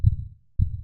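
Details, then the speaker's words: Normal heart sounds in a teaching tutorial: a single low lub-dub pair of soft thumps, S1 from atrioventricular valve closure and S2 from semilunar valve closure, after a brief quiet gap. "the heartbeat begins with the lub sound made by the closing of the atrioventricular valves that are shown here in the animation the closing of the atrioventricular valves correspond with the contractions of the ventricles"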